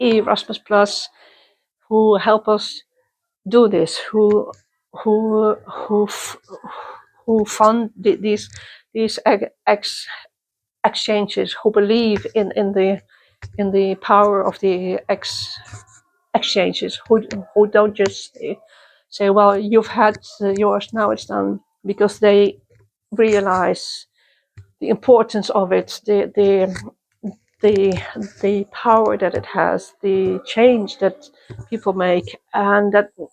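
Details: Adult woman who stutters, attending youth meetings for young people who stutter since 1995; stuttering.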